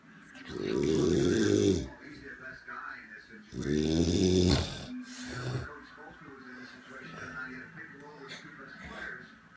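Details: Elderly man (grandfather) snoring during sleep.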